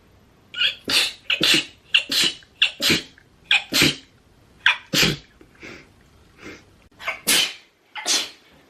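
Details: Girl sneezing: a rapid run of about fourteen short, sharp, hissing sneeze bursts in close succession; repeated sneezing.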